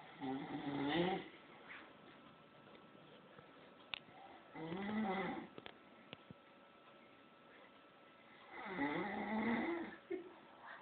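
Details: Father snoring during sleep: rough, rattling snores on the in-breaths, three in about eleven seconds with quiet pauses between them.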